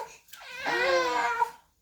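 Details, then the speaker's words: 4-month-old baby boy, late afternoon, no good nap yet that day, recently vaccinated: a single brief rising and falling wail; ordinary fussy infant cry. "Oh fussy oh but she see he's getting it's a late afternoon when I'm filming and he hasn't had a good nap yet today"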